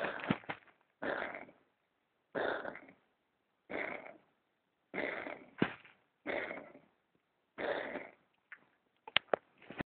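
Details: Pet coughing: repeated harsh, hacking bursts from an animal, about eight coughs in ten seconds with short quiet gaps.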